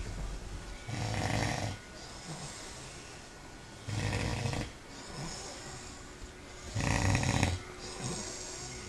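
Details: Sleeping male: three loud, rough, low snores about three seconds apart, with quieter breathing between; steady snoring.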